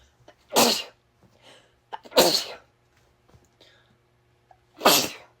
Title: Girl sneezing in tank top